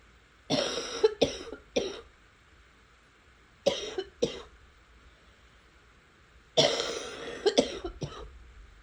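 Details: Three bouts of harsh coughing, about eight coughs in all, with quiet gaps between bouts; repeated coughing.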